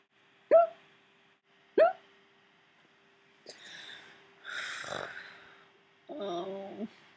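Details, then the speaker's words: A person who says he gets hiccups all the time makes two abrupt, sharp hiccup sounds about a second apart, followed by soft breathy and voiced noises. Hiccups. "I have the hiccups yep yes yeah yeah I get them all the time it sucks"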